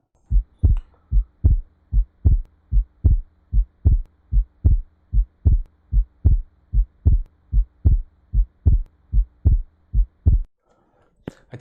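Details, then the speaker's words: Simulated regular heartbeat at about 75 per minute, used to demonstrate a split second heart sound (S2): the second sound divides into two close parts. "Ну давайте послушаем расщепление я вам напоминаю первый том начинается систола второй том затем заканчивается длительная у нас второй тон должен расщепляться"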